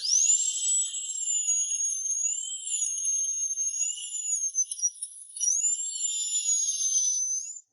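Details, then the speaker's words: Root canal treatment after pulp cleaning and antiseptic irrigation: steady high-pitched whine of a small dental drill widening the root canal, pitch rising and dipping slightly; dental drill. "After the pulp has been thoroughly cleaned The doctor fitted the small drill. Begin widening the root canal."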